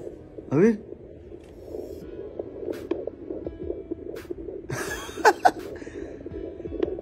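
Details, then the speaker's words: Rapid, regular whooshing fetal heartbeat heard through the mother's abdomen with a home fetal Doppler bought online; baby moving, heartbeat described as strong. "¿Es el corazoncito? Sí. Mira, escucha. ¿Es el corazoncito? Sí."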